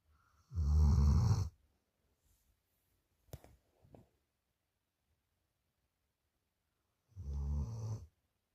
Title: snoring Dory the big cuddle monster